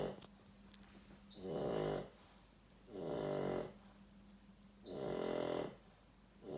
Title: Dog snoring